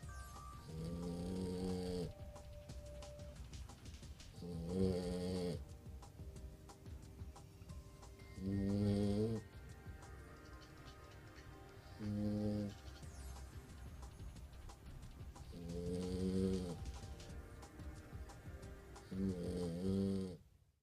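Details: Cane corso puppy snoring: loud rumbling snores with a voiced, nasal quality, about 16 per minute, over soft background music.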